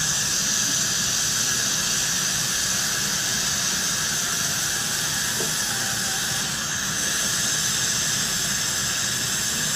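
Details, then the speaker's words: Piezo-ultrasonic scaler used with high-volume evacuation (HVE) suction to capture aerosol and water during dental cleaning, for COVID-19 infection control: a constant high hissing whine with loud suction. "You can see just how the HVE is just suctioning all of the aerosol and water coming off of my tip."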